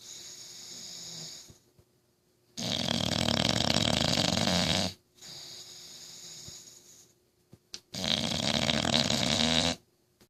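Loud, harsh rattling snores on each breath in, with quieter breaths out between them, about six breaths a minute; heavy snoring.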